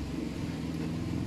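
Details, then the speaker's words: Omron HEM-7320 digital automatic upper-arm blood pressure monitor: steady low motor hum as the arm cuff inflates after pressing start; reading 118/85 mmHg, pulse 79; blood pressure cuff inflation. "to start treating the blood pressure you just simply need to push this start and stop control function again"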